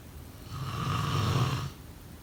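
A single loud, low, rumbling snore on breathing in, rising and then fading: snoring during sleep.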